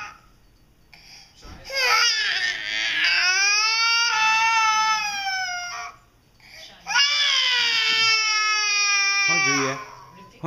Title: CRY BABY